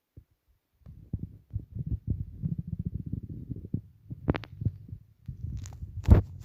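Low gurgling and bubbling rumbles in irregular runs, with a few sharper squeaks; ordinary stomach rumbling from gas and fluid moving through the gut.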